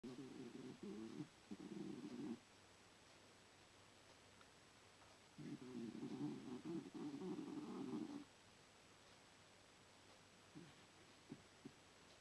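Two long rattling, buzzing breaths with a few soft snorts in between, typical of snoring during sleep.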